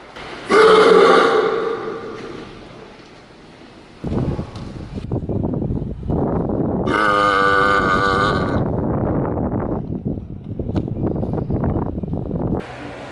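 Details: Two long, loud, throaty belches let out in a public park while attempting backflips, over steady outdoor rumble and noise; burping.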